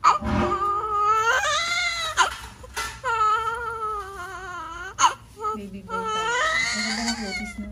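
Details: Vigorous newborn baby girl's cry just after normal delivery in a lying-in clinic, born 6:50: strong, high-pitched, wavering crying in repeated bursts with gasping breaths between.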